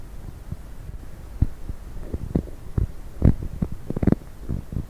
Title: coffee and diet coke , stomach noise.